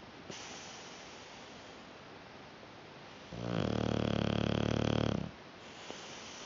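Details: Sleeping dog snoring: quiet room noise, then a single loud, buzzing, rattling snore lasting about two seconds, fading back to quiet.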